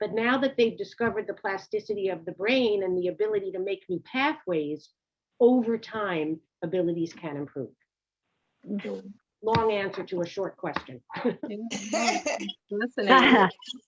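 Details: Adult woman speaking; normal speech.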